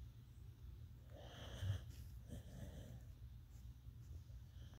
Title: Beagle dreaming and snoring #shorts